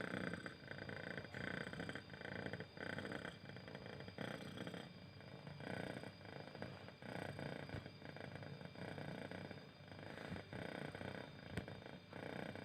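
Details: Cat snoring while awake, not sleeping; loud, rhythmic rumbling breaths that rise and fall with each breath.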